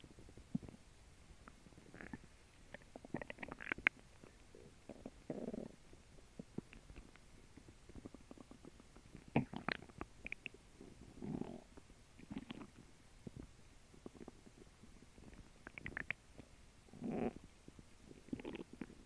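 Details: After a lunch of a grilled cheese sandwich and water: scattered low gurgles and rumbles, some long and drawn out, against a quiet background; active normal bowel sounds (borborygmi) during digestion.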